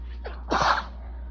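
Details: Allergic sneezing with itching and building nasal congestion: a short inward catch, then one forceful sneeze over a steady low hum.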